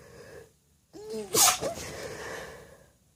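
A drawn-in, wavering breath builds into one forceful, wet sneeze, followed by a trailing exhale.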